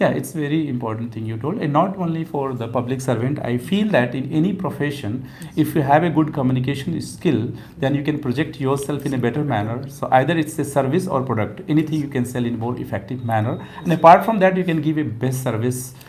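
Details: Adult man speaking; typical adult male voice.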